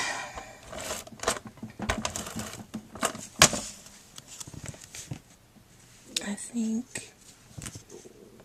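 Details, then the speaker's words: Adult making a card who had not eaten early in the morning: tapping and rustling of crafting, then a brief low rumbling growl with a rising hum; stomach growling (borborygmi). "my gosh, I hope you guys didn't hear that. That's my stomach growling."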